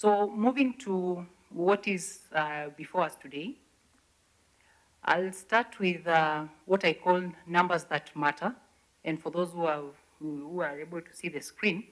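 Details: 69-year-old man, a throat cancer survivor whose voice was removed, speaking with an electrolarynx placed on the throat that produces his voice (electrolarynx speech).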